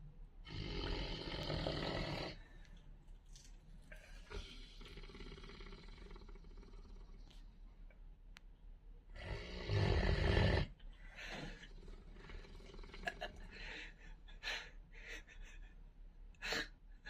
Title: Cane corso Ice snoring really loud 🤣